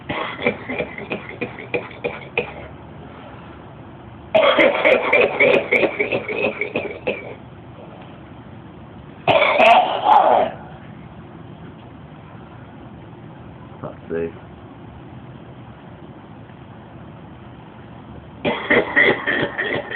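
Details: Chronic smoker's cough after 55 years of smoking: repeated bursts of rapid, staccato coughing and throat clearing, described as the craziest cough ever heard and sounding almost like laughing.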